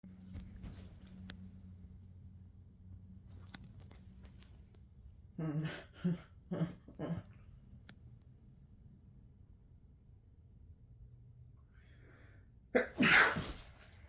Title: huge sneeze alert